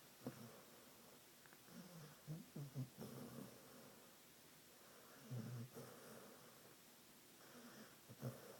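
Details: Soft, irregular snuffling snores with gentle grunts every two to three seconds from a dog sleeping and apparently dreaming: snoring.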